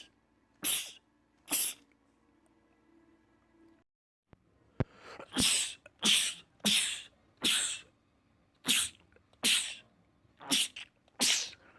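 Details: Rapid sneezing attack in a man: eleven sharp sneezes in quick succession after a pause, others saying "bless you"; a rapid sneezing fit from a sneeze compilation.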